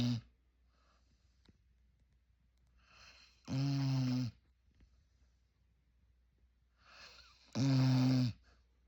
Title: Snoring pup !#noisy #puppy #cute #labrottie #Moose #dog #sweetboy